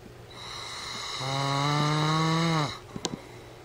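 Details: Husband snoring: one long, loud, rattling snore on an in-breath, likened to a farm animal, ending abruptly, followed by a few soft clicks.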